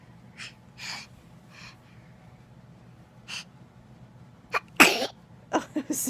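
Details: Several soft blowing snorts through the nose, then a sharp, loud sneeze followed by a few short sniffing bursts. Blowing and sneezing.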